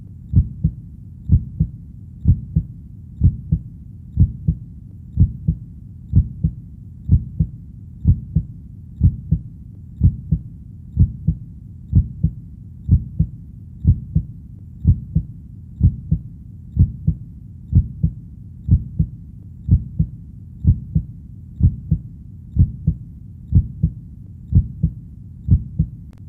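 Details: Steady, regular heartbeat of low paired thumps at about 62 beats a minute, a 37-minute relaxation/sleep recording. Heartbeat.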